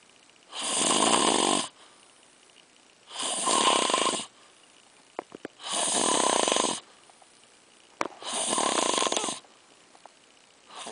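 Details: Loud, harsh snoring: four long rattling breaths separated by quiet pauses, roughly one breath every two and a half seconds.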